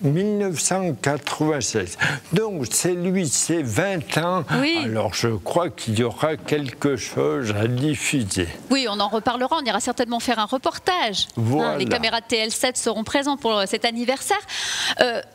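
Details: Adult interviewer speaking French; normal speech.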